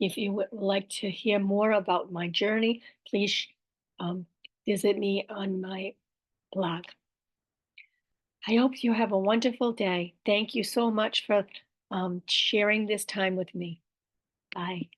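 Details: Adult woman with aphasia, apraxia of speech and dysarthria after a stroke about five years earlier; aphasia with apraxia of speech.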